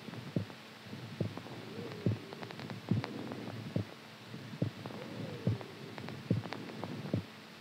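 Steady, strong low thumps at about 70 beats a minute over a faint hum; a regular heartbeat.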